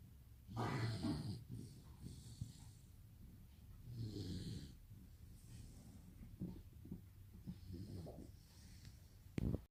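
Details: Rottweiler puppy asleep, snoring with low rumbling breaths much like a human's.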